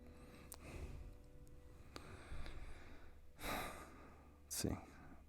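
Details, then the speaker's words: Dog snoring, heard in the background of a late-night livestream. "can you guys hear the dog snoring"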